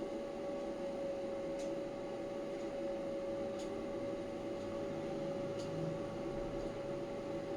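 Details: Steady fan hum with a constant tone from the air cooling of a 10 W, 980 nm Class 4 physiotherapy laser while it fires, shown burning paper.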